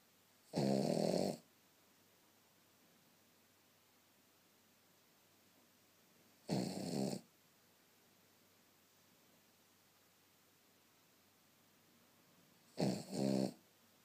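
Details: Cavvie puppy snoring while asleep: three slow, rumbling snores about six seconds apart in a quiet room.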